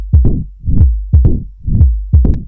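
Slow, regular heartbeat with a sharp loud first sound and a low rumbling murmur in diastole, typical of mitral stenosis.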